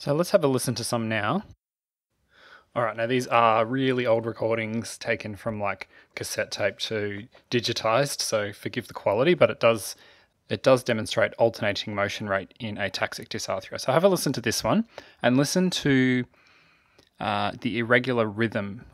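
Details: Adult male speaker; typical speech.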